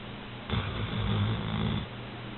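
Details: Old English Sheepdog snoring while asleep in bed: a single deep, rumbling snore lasting over a second against steady background hiss; ordinary snoring.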